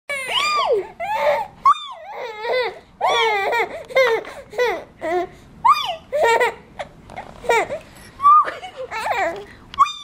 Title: baby laughing while crying